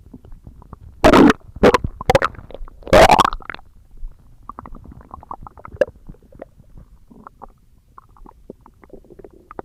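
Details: ASMR recording of stomach growling: loud gurgles and rumbles early on, then a run of small bubbling pops; ordinary bowel sounds (borborygmi).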